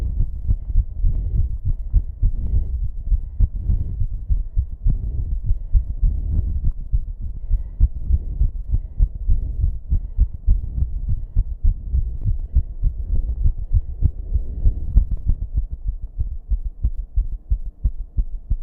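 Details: Heartbeat going from racing to irregular with heavy breathing, recorded in a bathroom: fast, muffled beats with uneven spacing over a steady background buzz; rapid irregular heartbeat.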